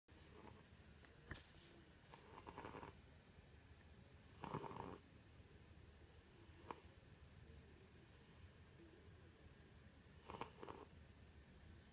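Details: A sleeping cat snoring: soft, quiet snuffling snores spaced a few seconds apart in a quiet room.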